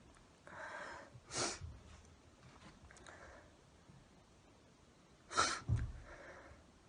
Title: Sneezing and nose blowing